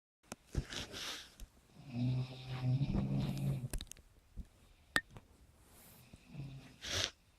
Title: Dangerous snoring